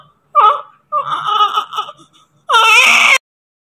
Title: Newborn baby today just immediately after birth delivery😍🤣